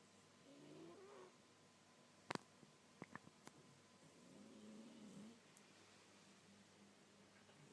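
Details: A blue Persian cat gently snoring in its sleep.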